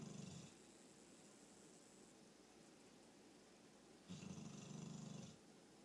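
Two low, rattling, buzzing breaths about four seconds apart over quiet room noise: snoring during sleep.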